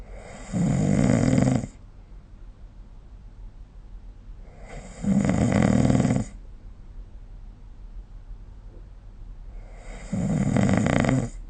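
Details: Snoring recorded with SnoreLab app: loud, rough snores about every five seconds, roughly 12 per minute, with quiet gaps; ordinary sleep snoring.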